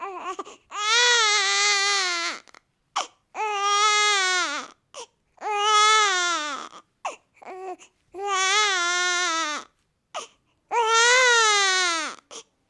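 A newborn cries in long rhythmic wails, about five cries with short gasping breaths between them.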